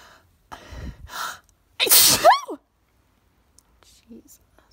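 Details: A single allergy sneeze sprayed onto a mirror, one of 17: quick inward breaths building to one loud explosive sneeze with a short voiced tail, then quiet.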